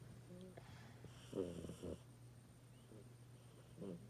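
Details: Mini snores: soft, low rumbling breath noises with a steady hum in the background; light snoring.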